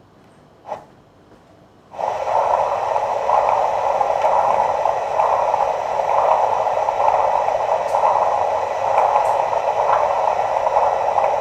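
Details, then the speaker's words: Doppler flow signal in the main body of a normally functioning arteriovenous fistula, about 5 cm from the anastomosis. Measured flow volume is 130–173 ml/min, described as not that good. "yes this vein is also getting flow of around 120 peak systolic velocity then this mean actually it joins this is the main body of fistula now we have reached around five centimeter from the anastomosis so i'll check the flow and peak systolic velocity of this"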